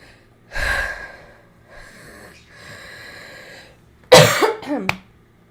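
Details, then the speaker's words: Wet cough in a woman still getting over a cough, described as crispy with something in there: loud, harsh, rattly, phlegmy cough burst preceded by softer breathy sounds. "It's a crispy cough. There's something in there, you know."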